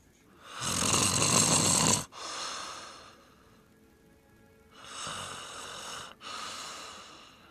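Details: Loud, rough breathing in two cycles, each a harsh snore followed by a softer out-breath, recorded on a Flip Video camcorder; ordinary snoring.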